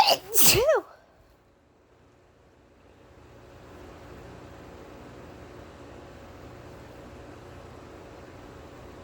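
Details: Deliberately induced sneeze by someone feeling stuffy: a single sharp, explosive sneeze, then quiet room noise.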